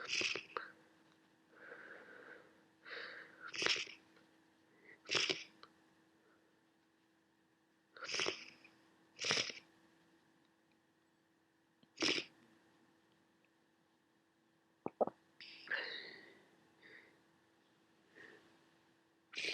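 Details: Person with a worsening head cold: repeated sharp sneezes and wet sniffs, about ten bursts, ending in a massive nose blow; sneezing and sniffling.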